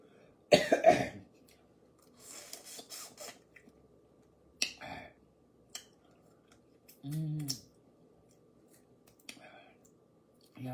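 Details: Two or three harsh coughs, then throat clearing and smaller coughs, from an adult eating very spicy seasoned crawfish with a runny nose and sniffling; irritant coughing from spicy food.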